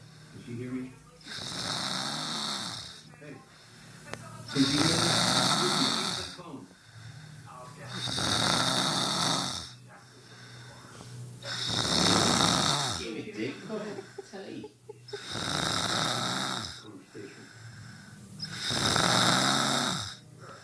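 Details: A child (brother) snoring: loud, rough, rattling snores about every three and a half seconds, around 17 a minute, with quieter breaths between them; heavy snoring.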